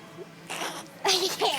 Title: Bro tries to sneeze